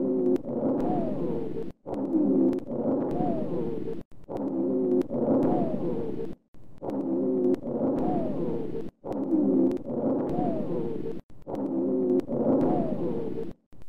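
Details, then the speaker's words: Rhonchi heard in both inspiration and expiration: repeated breath cycles with continuous musical wheezing tones through both phases. "Listen to the ronchi in both inspiration and expiration."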